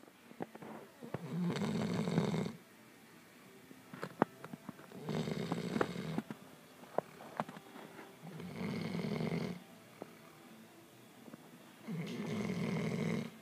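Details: Loud, rough snores about every 3.5 seconds, roughly 17 a minute, with small clicks and rustles between, from a puppy crashed out asleep.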